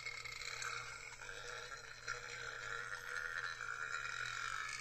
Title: full and burping